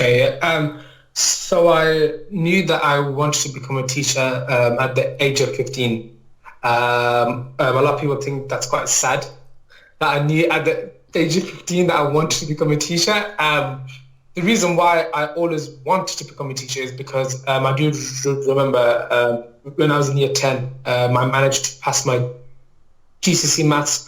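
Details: Adult male maths teacher with a lifelong stammer he describes as a neurological disorder, mainly blocking on words and sounds, worse with nerves, meetings and interviews; no speech therapy until age 19; stammering (stuttering).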